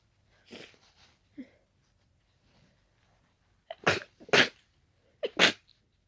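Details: Allergic sneezing brought on by closely smelling daisies, described as very tickly and wet: several wet, explosive sneezes, three strong ones, with softer snorts between.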